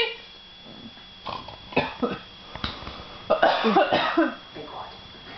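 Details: Mother coughing: several short, harsh coughs close together in a brief run in a quiet room.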